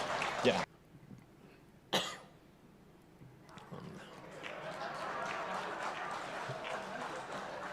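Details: Adult male politician deliberately coughs twice, sharply, into a microphone while giving a speech, followed by rising crowd noise and applause.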